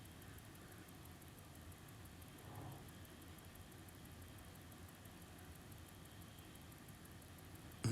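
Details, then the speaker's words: Ear microsuction of bilateral fully occluding earwax and very itchy dry skin in a patient with psoriasis, done with a suction probe: steady low motor hum with faint hiss. "i like to use the full zone or suction probe but when it begins to clarinet is when you should always revert back to a fine end because you're less likely to get there"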